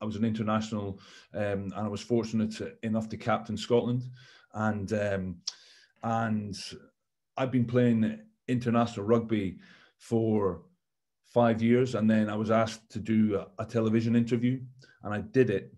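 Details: Stammering in an adult man, a former rugby captain.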